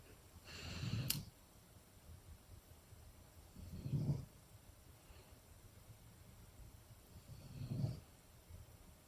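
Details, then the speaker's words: Snoring from a sleeping dog, heard during a makeup tutorial: three soft, low rumbling snores about every four seconds in a quiet room. "Je sais pas si vous entendez mais il y a mon chien qui ronfle. Donc ce n'est pas moi qui respire comme un chien, je vous rassure. C'est mon chien qui ronfle tout simplement."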